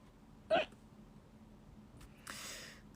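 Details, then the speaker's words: A single sharp voiced hiccup then soft breathy exhale during a live stream; person reports persistent hiccups; hiccups. "you guys are gonna have to deal with the hiccups. I can't get rid of them. They'll go away eventually, though."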